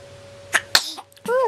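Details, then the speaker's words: A baby lying on a quilt gives a quick, sharp sneeze with a small intake sound just before it, then an adult says "bless you". Sneeze. "Bless you. Oh my goodness. They're quite the sneezes."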